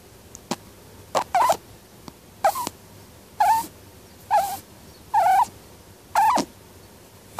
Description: it's my lovely bunny snoring sound !!